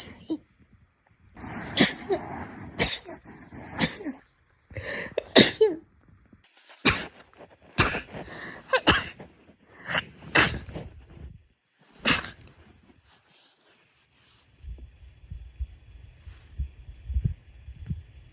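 A run of about ten quick sneezes, one after another, with low room noise at the end; ordinary sneezing.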